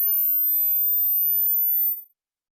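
A single very high, steady pure tone for about two seconds, then silence; a hearing test tone.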